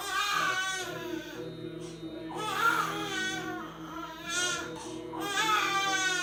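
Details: 11-day-old baby crying, scared after his first sneeze, while his father soothes him with soft om chanting: long, high wailing cry bursts with the adult chanting in the background.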